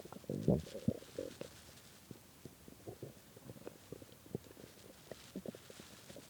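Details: Very hungry stomach after skipping lunch and dinner, growling badly at 3 am: irregular gurgling and rumbling with bursts of loud growls and softer bubbling; hunger borborygmi.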